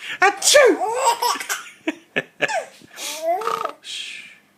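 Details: Adult imitating sneezes (repeated "achoo") for a 4-month-old baby: short playful sneezes, each followed by infant giggling in a small room.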